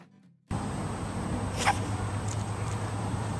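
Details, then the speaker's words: Rabbit sneezing, most often from irritated nasal passages: one quick, sharp sneeze, then two fainter puffs over a steady background hum. "Like humans and most other animals, rabbits also sneeze. More often than not, rabbits sneeze when their nasal passages are irritated."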